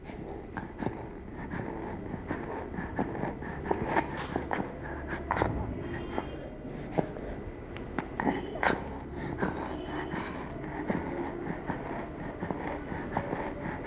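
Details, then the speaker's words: Child in a stridor-identification exercise: noisy breathing with faint musical whistling on breathing out, an expiratory wheeze rather than stridor, which is a harsh sound on breathing in. "we heard a wheezing sound when breathing out therefore we decided that hassan did not have stridor stridor is a harsh sound on breathing in this child has wheeze when breathing out"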